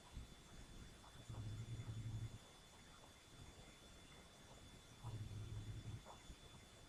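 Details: Two soft, low, rumbling snores with quiet breathing between them from a cat, over background hiss and a faint high whine; snoring.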